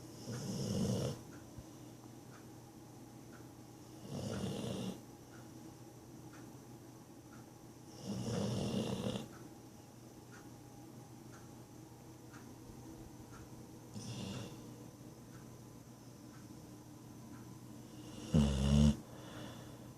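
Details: Bull-breed dog asleep on a person's lap, snoring: rough, low snoring bursts every four to six seconds, about 12 breaths a minute, over faint room noise.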